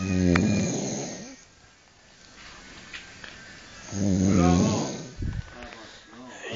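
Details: Two loud, rattling, low-pitched snores about four seconds apart from a man asleep sitting in a chair with head bowed, around 5 a.m. after vomiting; quiet breathing and faint room noise between: snoring.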